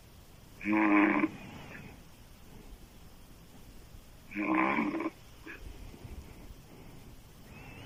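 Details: Adult female snoring loudly through an open mouth while asleep, a deep, man-like snore: two loud, rough inspiratory snores about 3.5 seconds apart with quiet breathing between; heavy snoring.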